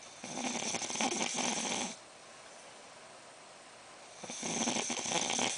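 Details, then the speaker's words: Adult man snoring asleep at 3:30 a.m., reportedly worse since his nose surgery: two loud, rattling snores with a quiet pause between them; ordinary snoring. "now after his nose job he snores even worse so it's 3:30 in the morning he s sleep snoring"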